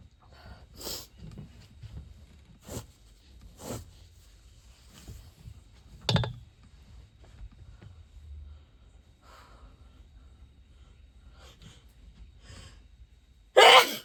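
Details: Week of natural, rather aggressive sneezes from someone who says they are not generally a sneezy person: several short sharp sneeze bursts, one louder at the end, in a quiet room.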